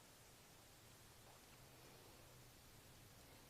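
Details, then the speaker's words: No renal artery bruit (normal) during an abdominal assessment: stethoscope over the left renal artery, just below the aortic site above the umbilicus, quiet steady hiss with no blowing or swishing sound. "then we're going to listen at the right and left renal arteries which is a little bit down from the aort location so here's the right okay n noted"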